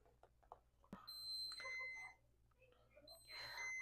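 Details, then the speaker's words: Orange Moog Infinity enteral feeding pump for a child's tube feeding, alarm with screen message "push run to feed": repeated high-pitched electronic beeping in a quiet room. "this is what the pump sounds like when it has an alarm. My big pro tip is to read the message on the screen to tell you what's going on."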